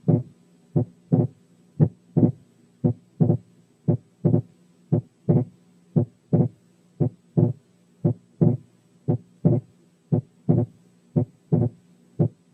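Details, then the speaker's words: Persistent splitting of the second heart sound, breath sounds filtered out: regular heartbeat near 58/min, split S2 heard in both inspiration and expiration, sometimes narrow and sometimes wide. "عيدوا الشريط تاني عشان تلاحظوا ان السبليتنج ساعات بيبقى نارو وساعات بيبقى وايد، انما موجود باستمرار، وده بيحصل في حالات الرايت باندل برانش بلوك."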